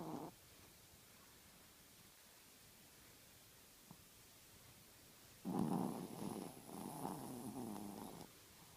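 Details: Loud rattling, fluttering snore, preceded by a softer snore, from a sleeping Chihuahua who sleeps with his eyes open; snoring.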